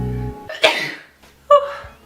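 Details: A sharp, explosive sneeze after a brief intake of breath, then a second, shorter sneeze with voice.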